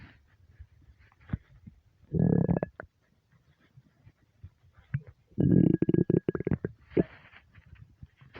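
Two loud gurgling growls with a faint squeaky tone, in a quiet room: hunger stomach rumbling, a normal sound.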